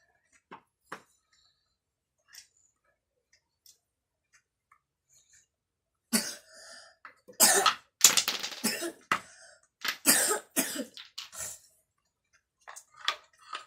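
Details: A child with a cold and cough, playing with wooden blocks: short, harsh coughs in an irregular run after a quiet stretch with faint room sounds.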